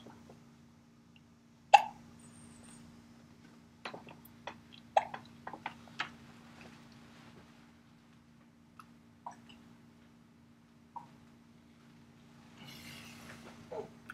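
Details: Hiccups while the subject watches himself on a computer screen: short, sharp hiccup sounds at irregular intervals, about 19 a minute, against a steady background hum.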